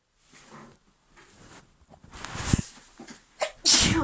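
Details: Female with an injured back that makes sneezing hurt; tickly sneeze with soft breathy inhalations building to a sharp, explosive burst: sneezing.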